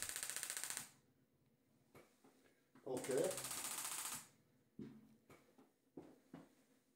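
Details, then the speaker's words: Radial shockwave (Gymna Shockmaster 300, 2 bar, 200 shocks per spot at 10 Hz, 15 mm convex head, ultrasound gel) firing on trigger points in biceps femoris, outer right thigh: rapid rattling bursts of sharp pneumatic clicks, stopping and starting, moved across multiple angles. "it's a bit of a big move to go across the thigh with the shock wave running so we'll come across here multiple angles until you ease off the trigger points"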